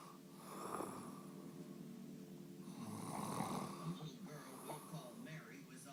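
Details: Adult man (husband) snoring: rough, rattling snoring on the in-breath in a quiet room with faint background sound.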